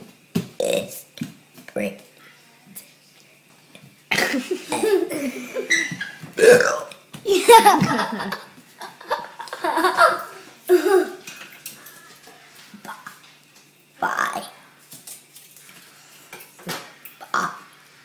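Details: Repeated loud, drawn-out belches mixed with laughter and children's voices, from a boy: deliberate burping.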